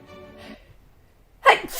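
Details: A single loud, explosive sneeze after a pause, with faint background music, followed by "excuse me".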